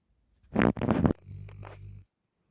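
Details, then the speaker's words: A sleeping black Labrador dog snoring: a single snorting, rumbling breath followed by a softer low flutter, before she wakes. "were you sleeping oh sweetie you snoring good girl"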